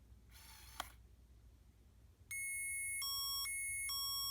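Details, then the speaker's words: CADD Legacy infusion pump (epoprostenol/Remodulin pulmonary hypertension therapy), line purposely clamped to demonstrate the occlusion alarm: soft repeating electronic beeps alternating in pitch, not very loud; pump returns to run once cleared. "so there I purposely clamped the line so you could hear what the alarm sounds like as you heard it's not that loud that's why the patient door needs to be open so you can hear if the pump is alarming at any time"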